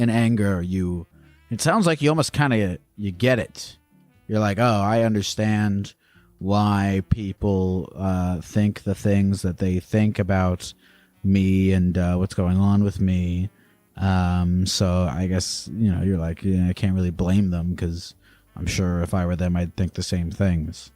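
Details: Adult male speaker; normal speech.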